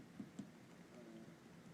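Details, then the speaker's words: Two quick, low, hollow taps during chest percussion on physical exam: resonant percussion note of normal air-filled lung. "I know I'm down here and so when I go here listen what happens gastric air bubble and then listen to the liver versus lung"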